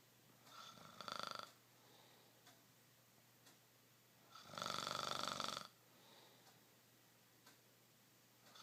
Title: Roncando